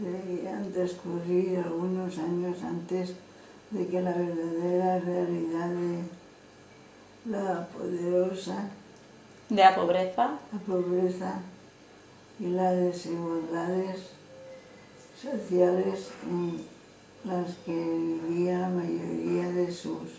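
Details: Woman with progressive frontotemporal dementia since July 2015, with gradual memory loss, reading a text aloud with long pauses between short phrases; slow, halting reading aloud in frontotemporal dementia.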